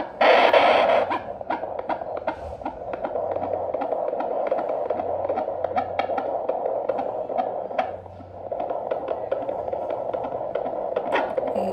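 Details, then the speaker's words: Rapid, regular whooshing fetal heartbeat on a fetal Doppler during pregnancy, about 114–129 beats a minute, within the stated normal range of 110–160. "114 129లా ఉంది కదా, ఇది వచ్చేసి heart beat. మనకి baby heart beat వచ్చేసి 110 నుంచి 160 వరకు normal అండి."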